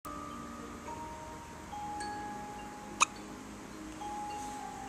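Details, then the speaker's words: Baby girl with hiccups, which she often had in the womb: a single sharp, brief hiccup click over soft ringing chime tones. "You precious little girl. I'm so sorry you have the hiccups. You used to get the hiccups all the time when you were in Mama's tummy."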